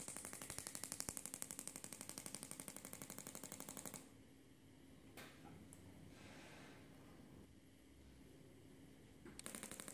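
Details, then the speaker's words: Bursts of rapid regular tapping pulses from a Shockmaster 300 Gymna radial shockwave handpiece (1.6 bar, 12 Hz, 20 mm head, gel) run in series up the thigh for grade 2 cellulite, pausing between runs. "this is Method number two where you run a series of shocks up the leg stop come back down to the bottom and run a next series of shocks up the leg stop"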